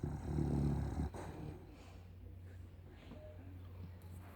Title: OBBLIX OUR PUG SHARPY CROSS SNORING.